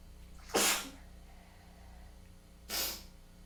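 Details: Sneezing fit attributed to a tickly, congested nose with the weather change: two sharp, hissing explosive sneezes about two seconds apart.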